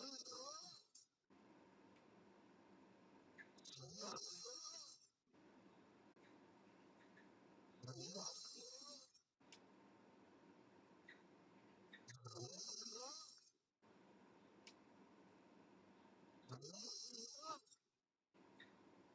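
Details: Sleeping girl, mouth open, snoring: regular rough snores every 4 to 5 seconds, about 13 breaths a minute, each with a harsh rattling in-breath.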